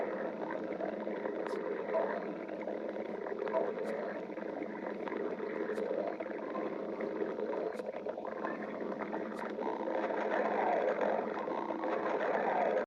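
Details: Adult's stomach growling (borborygmi): continuous low gurgling and rumbling of gas and fluid moving through the gut.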